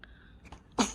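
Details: Newborn baby sneezing at a postnatal care center: a soft intake of breath followed by one brief, high-pitched sneeze.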